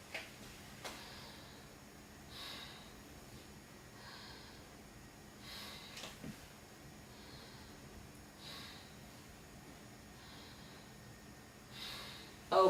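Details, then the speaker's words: Normal bronchovesicular breath sounds heard between the scapulae on the posterior thorax during deep breathing in a head-to-toe assessment: soft, even, regular breath cycles without wheeze or crackles. "bronco vestibular sounds was heard over the um between the scapula and she okay"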